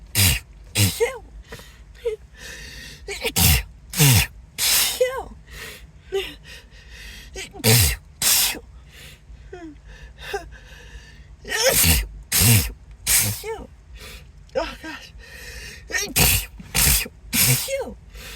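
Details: Acted, announced sneezing fit; the speaker apologises, says the nose tickles and suspects an allergy: about twenty forceful sneezes in rapid succession, each with a sharp inhaled gasp, plus brief exclamations and background music.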